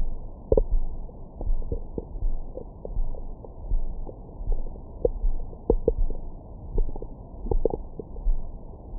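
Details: Bowel sounds from the recorder's own belly after a large meal, recorded with a Stemoscope stethoscope microphone: low muffled rumbling with frequent short gurgles and squeaks; ordinary digestion.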